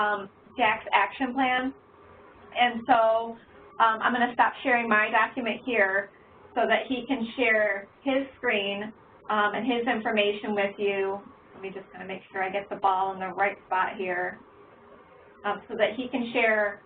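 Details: Adult woman speaking; normal speech.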